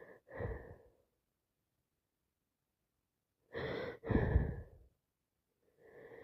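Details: Day 4 of a cold: massive, loud, wet-sounding sneezes, each preceded by a sharp intake of breath, with silent pauses between; sneezing.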